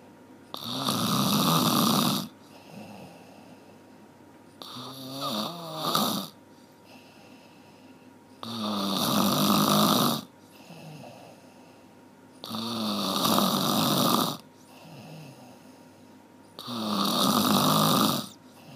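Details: Loud, rattling snores on each in-breath, about 15 breaths a minute, with softer out-breath sounds between; snoring.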